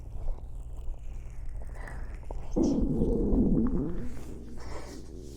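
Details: A low, bubbling gurgle of stomach growling, about a second and a half long, from a hungry streamer who ate an early dinner, amid faint room noise: stomach rumbling (borborygmi).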